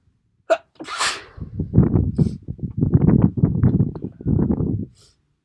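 A sharp inhale and explosive sneeze, followed by several seconds of rough, snuffly blowing or nasal exhalations.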